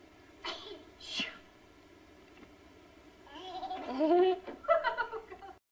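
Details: Baby's first big sneeze: two quick, breathy bursts like a small sneeze, followed by adult laughter and talk.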